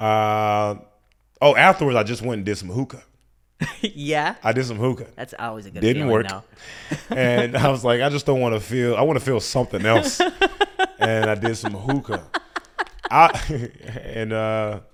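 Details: Adult male speaker; typical speech.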